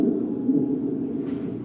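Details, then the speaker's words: Simulated stridor played during a lung auscultation lesson: a lower-pitched example of a usually high-pitched, squeal-like stridor, described as sounding eerie. "De hecho, los la mayoría de los exteriores son bien agudos. Son como un gritito. Es como gente gritando el el escrior."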